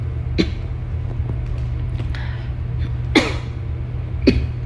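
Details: Three dry cough bursts over a low, steady engine-like hum, from an adult on day 13 of confirmed COVID-19 infection; cough.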